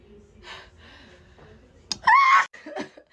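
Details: Gasp during a sneezing fit while talking: quiet breathy sounds, then a sharp inhaled gasp with a high, squeaky pull of air and a short exhale, like the build-up to a sneeze.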